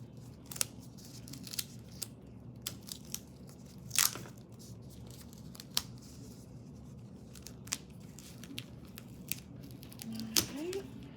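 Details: Quiet room with sharp crackling tears and crinkles of medical tape being torn and applied as a dressing after discontinuing an arm IV line and holding pressure 30 seconds.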